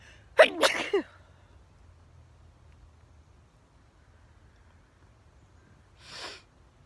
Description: Sneezing in the sweet pea field by my house.